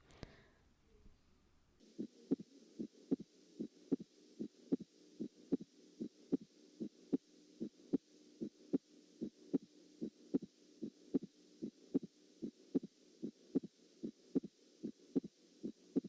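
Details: Wide split of the second heart sound (S2) in a nursing-lecture heart-sound demonstration: regular heartbeat about 75 a minute, with S2 heard widely split into two parts.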